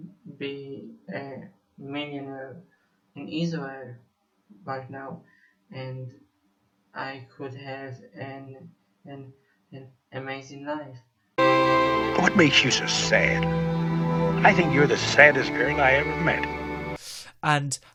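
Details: Male Israeli musician who says he has stuttered for almost 21 years; stuttering.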